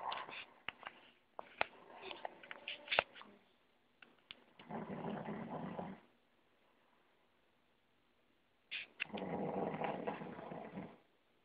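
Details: Snoring: two long, rough, rumbling breathing sounds separated by a quiet pause, with scattered clicks and snuffles before them.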